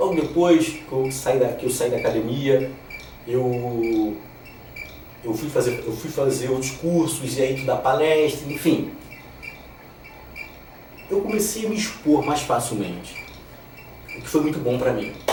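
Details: 34-year-old man who has stuttered since childhood, son and grandson of stutterers, stuttering reduced over time; word repetition; stuttering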